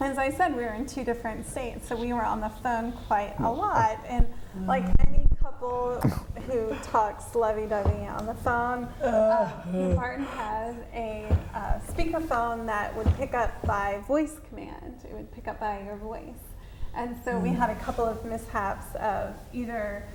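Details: Adult woman speaking; ordinary speech.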